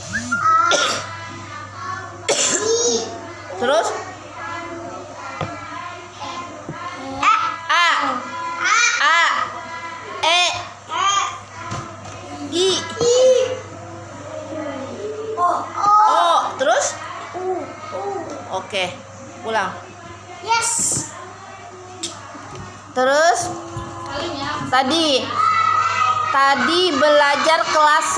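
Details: Adult teacher gives a few short, sharp acted coughs while playing a child in a classroom role-play, with background music and children's chatter.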